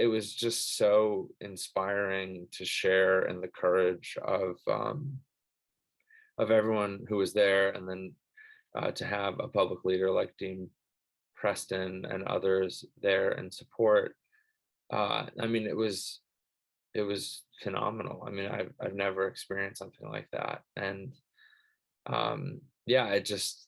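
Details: Adult who stutters; stuttering.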